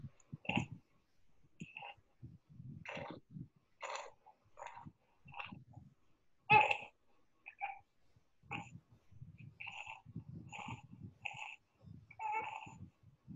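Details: Child with longstanding noisy breathing that responds to nebulization: rapid breathing with a single-pitched musical expiratory wheeze, pointing to tracheal obstruction rather than stridor.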